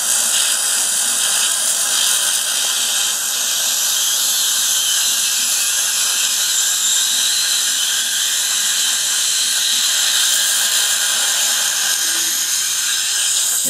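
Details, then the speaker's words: Live dental implant surgery with a 3.3 mm diameter implant twist drill widening the site: a steady high-pitched whine as it cuts bone cleanly. "you can see that cuts very, very cleanly. And we can show you that 3.3 is a little bit wider diameter."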